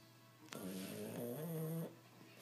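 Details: Sleeping dog snoring: a single drawn-out, whistling, rumbling breath.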